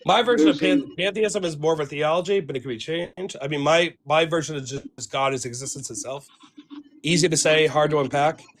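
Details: Adult man speaking; normal voice.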